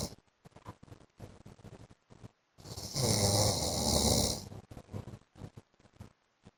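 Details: Adult man (husband) snoring during sleep, repeated snores and snorts: snoring.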